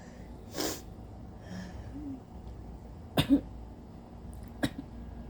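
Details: Three short, induced sneezes from an adult with an itchy nose, recovering from a cold, one coming as a quick double burst; sneezing.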